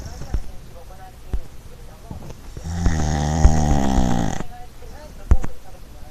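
A long, loud, buzzing snore with a vibrating tone on one breath, with soft knocks and room noise around it.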